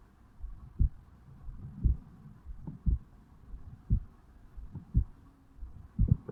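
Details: A 35-year-old male self-records his heartbeat at the mitral (bicuspid) valve area on waking in the morning: regular soft lub-dub at about 60 a minute, first sound stronger, no added sounds, normal heart sounds.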